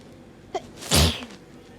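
A short intake of breath, then one loud explosive sneeze; an allergic hay fever sneeze.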